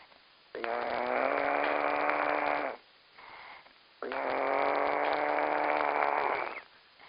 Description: shows everyone how to snore like a champion